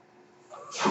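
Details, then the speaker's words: Podcast host's own mechanical ventilator heard while he speaks: soft hiss swelling into a loud rush of air as the ventilator delivers a breath. "noise you're curious by ventilator and welcome welcome back I should say to page-turners they were not my Star Wars plot"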